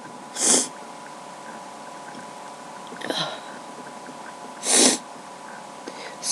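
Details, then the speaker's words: Random sneezing fit recorded on a webcam, no allergies, nose tickling; repeated sharp, hissing sneezes in quick succession over a steady room hum. "I just haven't really had time, but I felt this random sneezing fit coming along, so I decided to record it. My nose just tickles a lot, so so I'm sneezing."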